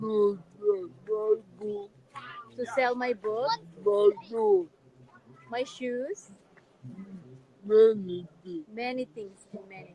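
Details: Dysarthria in an adult man with severe cerebral palsy and physical disabilities.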